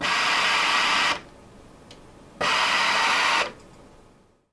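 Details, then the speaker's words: Mindray SV800 ventilator with humidified circuit running flow sensor calibration (menu, flow calibration, start) during setup, about four minutes and quite noisy: two loud one-second bursts of steady hissing airflow separated by quiet. "that's your first check to marry up the flow sensor with the ventilator and it takes about four minutes and is quite noisy"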